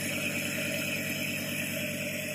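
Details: Steady droning hum with hissing airflow, without breaks, from a home nebulizer compressor just switched on as vapor begins to come out.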